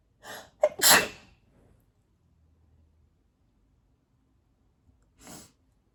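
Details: Adult in an allergic sneezing fit, attributed to cat hair: one sharp, mostly covered sneeze after a quick inward breath, then a short sniff seconds later.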